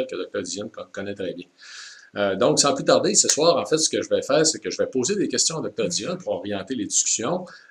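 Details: Adult speaker; normal speech.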